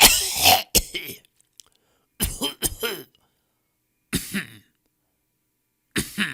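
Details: Coughs from a 10-minute sound-effect compilation of different people coughing in different styles: several separate harsh, dry cough bursts, each short and forceful, with silent gaps between.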